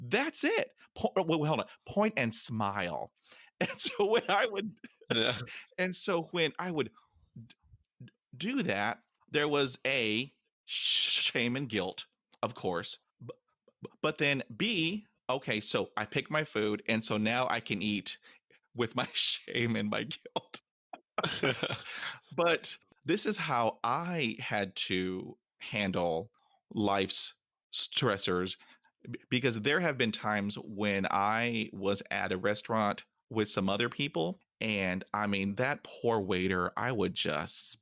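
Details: Man almost 50 who stutters, including when alone, and says his stutter is not caused by nervousness; stuttering.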